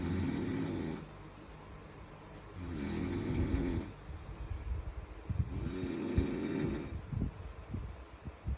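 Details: Loud, rough snores on breathing in, about three in the clip, separated by quieter breathing out; ordinary snoring.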